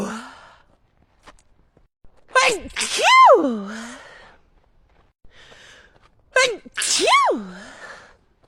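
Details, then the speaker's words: Woman with allergies who ran out of her allergy medicine, having a sneeze attack midway through a walk: two forceful sneezes about four seconds apart, each a sharp inward catch then a loud voiced burst; allergic sneezing. "let's go in for a walk having a sneeze attack Midway nothing nothing is Secret"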